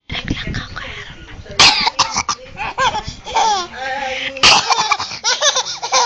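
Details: An infant laughs in bright bursts, with two sharp, explosive coughs breaking in between the giggles; a simple cough amid laughter.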